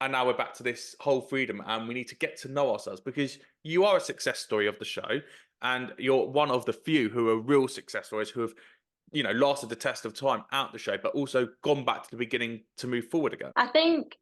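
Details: Adult man speaking; typical speech.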